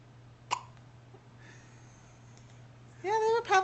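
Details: Newborn baby boy with hiccups, recorded July 2009 on a Flip Video camcorder: a single sharp, sudden hiccup, then a short infant vocal sound and faint room hum.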